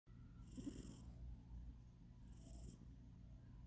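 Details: Low, rumbling, heavy, purr-like breaths with two hissing inhalations from a sleeping cat the owner describes as very fat; snoring.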